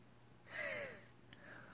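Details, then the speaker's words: Mother with long-standing asthma, recorded during an asthma attack: a single strained, noisy breath with a high whistling tone sliding downward, which she describes as shallow and deep; laboured, wheezy breathing. "hi everyone it's me this is what it's like to have an asthma attack if you can hear my breathing it's really shallow and deep because I've had asthma for so long and I'm so sick of taking my inhaler I deal with not being able to breathe as long as I can"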